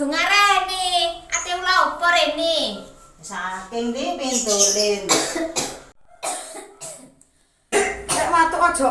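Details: Acted cough in a group video for a cough-etiquette competition: voiced, speech-like sounds, then several short, sharp cough bursts in a small room.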